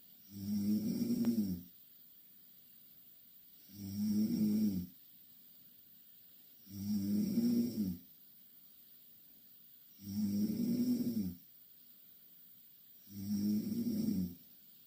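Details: Two Korean girls sleeping in the same bed; five regular rumbling snores on each breath in, about 19 a minute, with quiet pauses between; steady loud snoring.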